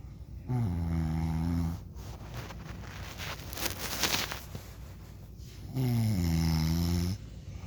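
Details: Adult man (father) snoring in sleep: loud, deep, buzzing snores on each in-breath, with a quieter noisy out-breath between them.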